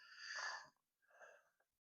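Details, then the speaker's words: Livestreamer in a warm room (70 degrees) with two breaths, a long hissing exhalation then a softer one, each with a high whistling tone; he says he is wheezing unusually, cause unknown; wheezing. "Yeah, I have zero idea why I'm wheezing. It's so weird. I don't weeze that often usually, by the way."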